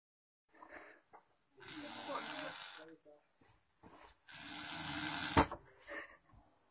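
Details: Man passed out drunk: loud, rough, rattling breaths with short quiet gaps between them; heavy snoring.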